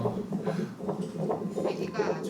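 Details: Fetal heartbeat on Doppler ultrasound: fast, regular whooshing thumps at 145 beats a minute, within the normal range, and the baby appears healthy.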